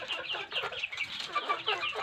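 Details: Chicken with suspected flu ('ngorok') makes repeated harsh, rattling, bubbly respiratory calls: rattling respiratory noise.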